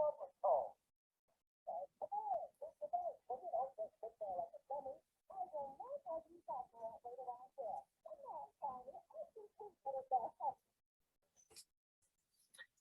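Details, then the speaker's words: Simulated moderate hearing loss applied to a Flintstones cartoon clip: muffled, dull speech with the crisp high sounds stripped out, with the low pitches better preserved. "all right so what i want to say about that is if you saw it it had the the configuration was higher in the low pitches but if it was a true moderate or severe hearing loss you would hear a lot less"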